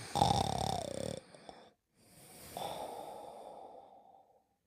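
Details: A cartoon character, Buddy, sleeping and snoring: two rattling snore cycles, a harsh breath in, a pause, then a long noisy breath out, a staged cartoon snoring effect.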